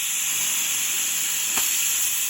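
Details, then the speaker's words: Dental air-water syringe spraying air and water, tip perpendicular to the tooth, rinsing etch off a class 2 composite preparation after 15 seconds of etching: continuous loud hissing spray. "I love to spray air and water. It's more aggressive than just water."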